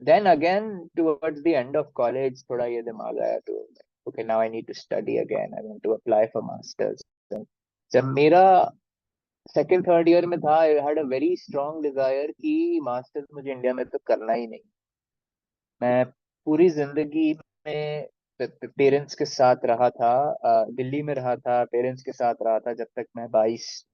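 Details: Stuttering in an adult man who has stammered since childhood; he calls it minor and says he can often hide it; speaking Hindi.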